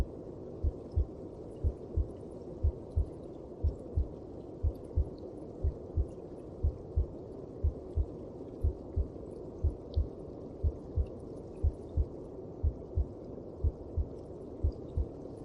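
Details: Heartbeat heard inside the mother's belly, as from within the womb: steady paired low thumps at about 60 per minute under a muffled whooshing hum; maternal heartbeat in the womb.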